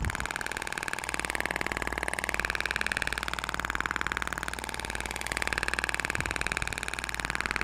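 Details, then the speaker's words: Shockwave therapy device firing on the face (6,000 shots to distribute over the facial region, energy at minimum of 60 for the protocol): fast, even mechanical pulsing close to four pulses per second. "Lembra que você tem 6 mil disparos para distribuir na região facial"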